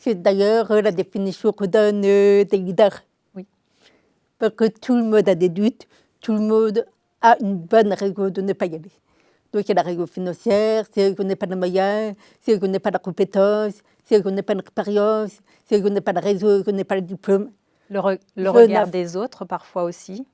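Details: Adult woman, deaf since birth, diagnosed at 9 months; she was told she would never speak and learned speech through 20 years of speech therapy, three sessions weekly; she says her deafness is audible; deaf speech from congenital hearing loss.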